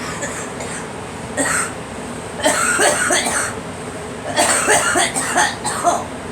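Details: A person who wants to cough but cannot bring anything up: several short bursts of coughing and throat clearing in two clusters over background room noise.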